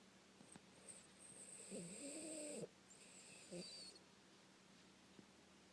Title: Yoda snoring